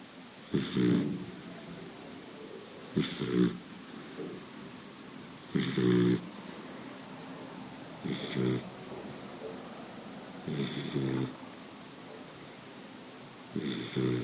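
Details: Sleeping Boxer dog snoring: regular short snorting snores about every 2.5 seconds, around 23 a minute; ordinary snoring.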